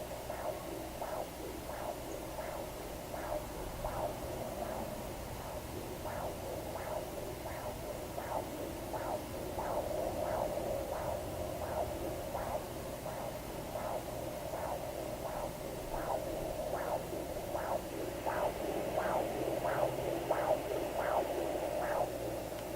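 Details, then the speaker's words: Fetal Doppler at 19 weeks in a twin pregnancy: rapid, regular whooshing pulses of a fetal heartbeat measured at 146 beats a minute, considered safe. "sometimes it's way harder to get a good reading than it is just to hear the heartbeat and get a safe measurement. Usually as long as they're around 130, I don't dig because I don't want to disturb them too much, because they do tend to get pretty kicky and upset if I sit there and dig for them."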